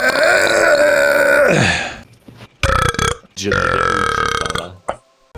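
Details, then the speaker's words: Deliberate, on-purpose burping: a long, loud, voiced belch with a falling pitch at the end, then a short break and a second prolonged belch. "Yes, I can burp. I can burp on purpose. Let it sink a little bit. Are you happy now? What do you got now? Okay, here comes another burp. A big ass burp."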